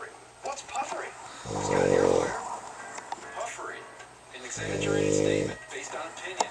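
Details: Man asleep at home on Valentine's Day with the 2010 Winter Olympics on TV: two long, rough, vibrating snores about three seconds apart, with music and faint noise between; snoring.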